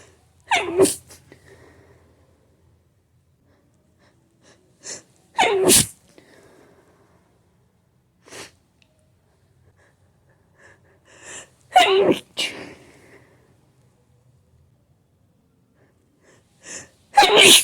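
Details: Hay fever sneeze attack after smelling a flower, with build-ups: a run of about four loud, explosive sneezes, some with a short indrawn build-up breath, and quiet between them.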